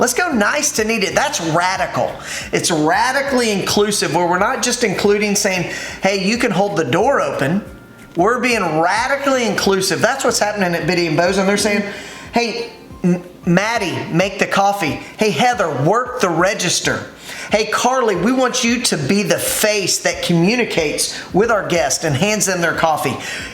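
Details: Adult woman speaking; ordinary speech.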